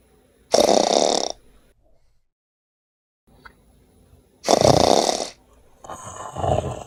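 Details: Woman snoring at night in bed: harsh, rasping snores, each about a second long and roughly four seconds apart, in a quiet room.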